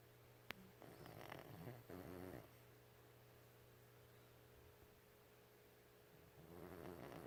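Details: 13-year-old Chihuahua dog snoring loudly while sleeping; low rattling snore on the in-breath, a few bursts separated by quiet, over a steady room hum; snoring.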